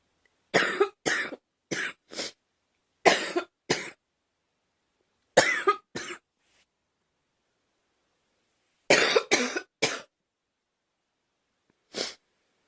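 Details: About 14 short, dry coughs from a girl in clusters of two to three, separated by silence; acted, simulated coughing.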